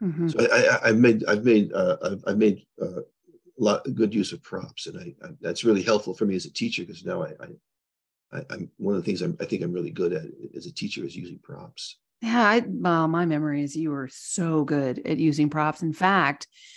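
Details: Adult man with progressing Parkinson's disease who reports stuttering a little, losing his words and impaired balance; finding: disfluent speech in Parkinson's disease.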